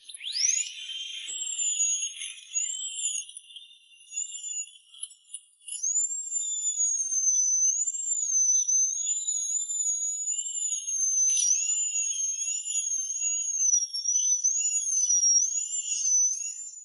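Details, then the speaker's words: Thin, very high-pitched wavering whine of a dental drill removing decay from a cavity between the two front teeth, done without anesthesia; caries had not reached the pulp, followed by resin composite filling. "你的2颗门牙中间出现了蛀牙，一张嘴就像有东西卡在牙缝里。医生看了一眼，二话没说，连麻药都没打，直接上钻头去除腐质。"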